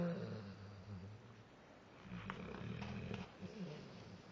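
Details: Dogue de Bordeaux dog napping and dreaming: low, soft rumbling snores from a sleeping large dog over quiet room noise.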